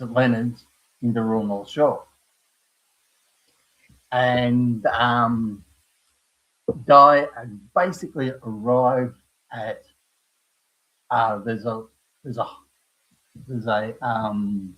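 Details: Post-stroke aphasia with word-finding difficulty in an adult man, about five years after a stroke at age 58; he also survived a severe heart attack and quadruple bypass.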